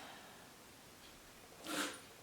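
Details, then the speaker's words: Dog sneezing in the background of a spoken book review. "you was my dog sneezing"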